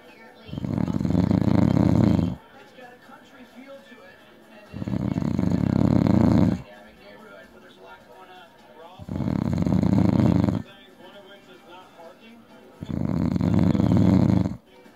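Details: Adult man passed out drunk: four long, loud, harsh snores with quiet pauses between, roughly 15 breaths a minute; heavy snoring in deep sleep.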